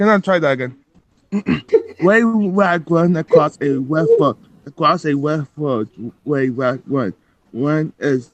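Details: Adult male with rhotacism who says his R and W sound the same and calls it his main speech problem, reading an r-heavy tongue twister on a casual livestream; r/w substitution.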